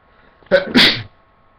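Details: Wet sneeze: a quick intake then explosive release, deliberately provoked.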